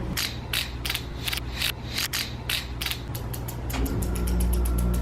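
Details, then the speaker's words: Series of crisp ratcheting clicks over low hum as an insulin pen is dialed to set a dose before a mealtime injection. "Take my insulin feed, part 2, electric boogaloo."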